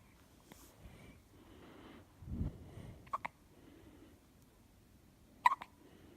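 Quiet recording with a few brief, sharp hiccup-like catches between soft breaths.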